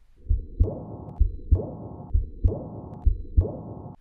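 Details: Regular heartbeat at about 65 a minute with a whooshing murmur that starts loud and grows softer: a decrescendo heart murmur.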